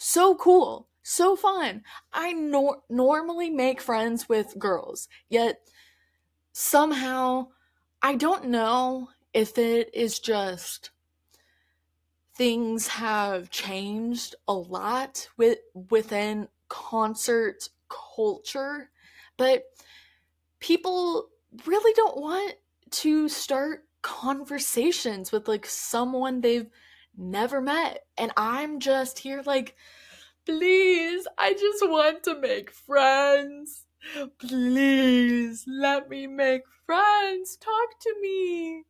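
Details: Adult woman who stutters, mostly with repetitions and prolongations of words, speaking conversationally; stuttering.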